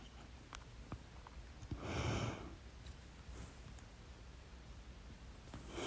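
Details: One loud, abrupt hiccup over quiet room noise and soft breathing, part of a stubborn, fast 30-minute hiccup bout blamed on too much salsa; holding breath failed at first, and the hiccups stopped after the fourth breath-hold.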